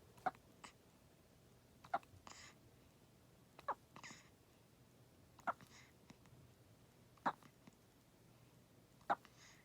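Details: 14-day-old newborn: six soft, abrupt hiccups at roughly one every two seconds, each followed by a faint breathy catch; newborn hiccups.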